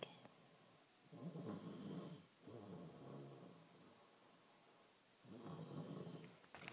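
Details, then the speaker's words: Person snoring in sleep: rattling, fluttering inspiratory snores lasting about a second each, with quieter breaths between. "this is you snoring"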